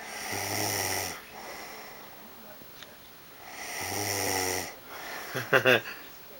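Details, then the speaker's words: Adult snoring while asleep, recorded by partner, cat nearby: two loud, rattling snores on the in-breath about three seconds apart, then a brief softer snort; room noise in the background. "Okay, I just want you to see this and hear the amount you're snoring so that you know I'm not an asshole."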